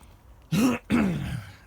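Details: Adult man outdoors on his allotment during a plot tour: two quick, harsh throat-clearing coughs.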